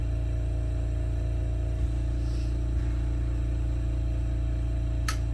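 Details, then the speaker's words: Steady low hum with faint rhythmic pulsing from an oxygen concentrator under a glass lampworking bench, used with propane for a hot flame; the brief click near the end is a nearby kiln's relay switch. "Noise you hear, I usually have the radio on, so you can't really hear it, but there's an oxygen concentrator underneath me, which you need along with the propane in order to get a really hot flame."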